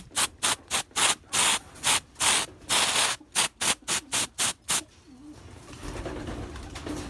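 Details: A run of about a dozen quick hissing spray bursts, then quiet room noise: antiseptic sprayed onto a pigeon's wound after a hawk attack.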